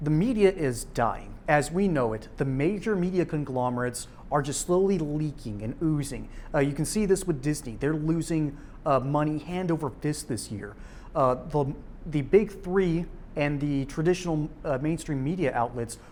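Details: Adult male speaker; Normal speech.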